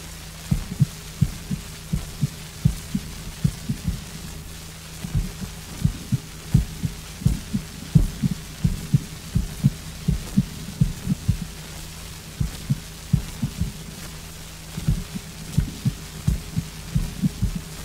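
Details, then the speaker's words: Heart sounds with extrasystoles: premature beats heard after normal beats, the extrasystole's first sound weakened; from a 1957 medical encyclopedia heart arrhythmia recording, 78 rpm. "экстрасистола - это преждевременное сокращение сердца тоны экстрасистолы слышны после тонов нормального сокращения сердца первый кон экстрасистолы ослаблен"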